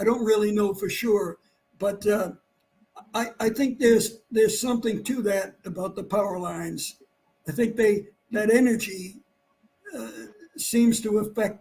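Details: Adult man who had vocal cord cancer and operations; his voice was lost, then partly returned, and it does not carry far. Dysphonia after vocal cord cancer surgery.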